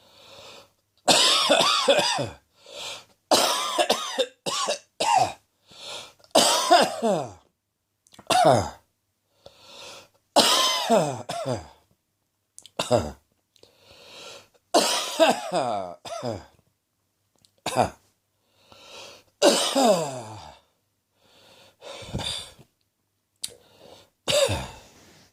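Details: Adult with a common cold (sneezing, then sore throat, then cough over three days): repeated harsh, fairly loud coughs in short bursts.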